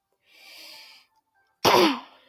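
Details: A soft breathy sound, a pause, then a single loud explosive cough with a voiced tail, from a girl coughing repeatedly while gaming; cough.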